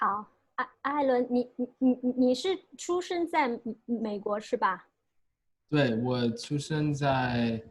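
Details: Male US-born university senior of Chinese family who has stuttered since about age five or six, with blocks and getting stuck on sounds; his biological father and maternal grandfather also stutter; stuttering.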